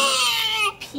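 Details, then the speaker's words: Baby boy crying during a bath, described as crying a little and then calming himself: a brief high-pitched wail that falls in pitch and fades. "I like but is that he doesn't he cries a little bit and then he calms himself you know you're okay you don't like baths"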